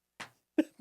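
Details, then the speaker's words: Pet dog sneezing in the background in December, two quick sharp nasal bursts in a quiet room; owner likens the fit to an asthma attack and wonders about allergies. "I'm sorry if you can hear our dog sneezing in the background"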